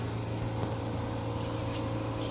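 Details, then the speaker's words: Medical air compressor just switched on, supplying air pressure to a ventilator during a device check; steady low mechanical hum and drone. "just turn on the compressor so now the compressor okay"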